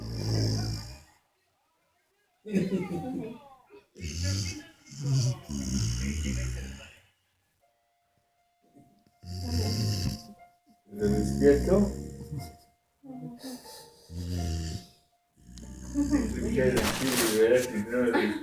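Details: Pitbull dog snoring in sleep: loud, coarse, snorting snores in irregular bursts separated by pauses, with faint music in the background.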